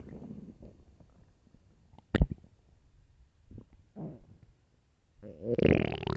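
Quiet low gurgles and rumbles with a sharp squelch and a longer groan at the end; stomach growling from hunger, a normal bowel sound.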